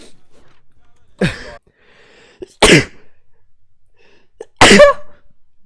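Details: Three sharp, explosive sneezes from an adult, each a sudden burst of air and voice with quiet between; ordinary sneezing.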